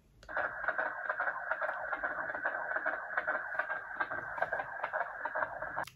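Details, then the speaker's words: Fetal heartbeat recorded at a 16-week gender scan and played back from a heartbeat bear toy: rapid, regular whooshing pulses at about 140 a minute through a tinny speaker. "because obviously they need to record the heartbeat so i'll squeeze it for you so you can hear it"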